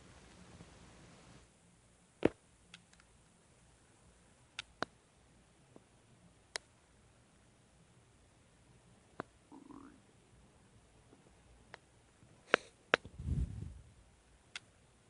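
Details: Person's own stomach making noises: quiet clicks, a brief gurgle and a low rumble from the abdomen: bowel sounds (borborygmi).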